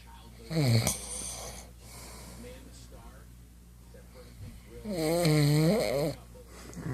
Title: This guy snores